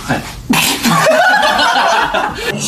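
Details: A single sudden, sharp explosive sneeze from an idol, followed by voices and light laughter in the background.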